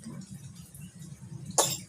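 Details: Young child coughing while eating: quiet room noise, then a single brief, sharp cough burst near the end.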